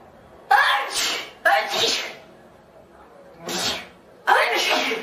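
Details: Four girls sneezing: four separate voiced sneezes from different people, each a sharp burst with a drawn-out vocal release.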